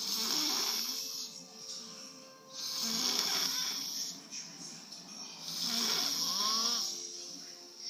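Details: Person caught asleep on a couch snoring: three loud, rattling snores, one on each in-breath, about 22 breaths a minute, over a faint tonal background. Ordinary snoring.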